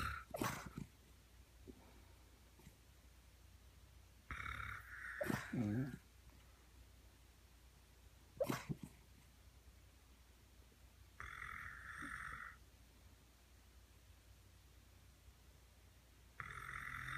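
Repeated snoring breaths, some low and rattling, some higher and whistly, from a sleeping dog and a person together.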